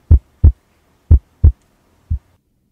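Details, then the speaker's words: Simulated heart sounds from a SimMan manikin in a nursing simulation lab, heard with a stethoscope: low, clean lub-dub pairs, about 60 beats a minute, no extra sounds. "With a stethoscope, you may auscultate the patient's lung sounds. The lung sounds are audible both anteriorly and posteriorly. The heart sounds"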